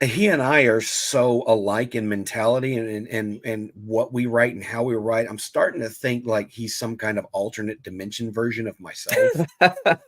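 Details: Adult man speaking; normal voice.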